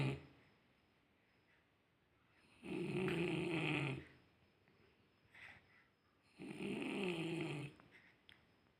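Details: Two long, buzzing snores about four seconds apart in a quiet room, slow steady sleep breathing; snoring.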